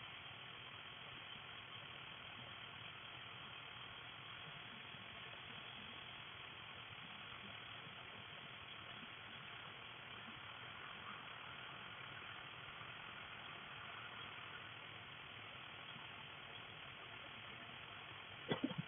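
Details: Dental hygienist using an ultrasonic scaler on a patient with heavy plaque and tartar buildup: continuous hissing, buzzing hum with water spray during tartar removal.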